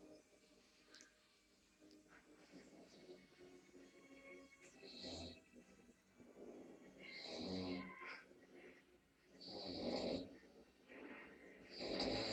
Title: drunk. snore Sleeping in the toilet